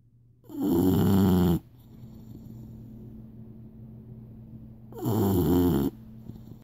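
Two loud, rough, rattling snores about four seconds apart, with quiet breathing between them.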